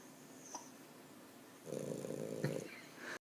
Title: Guster the snoring dog...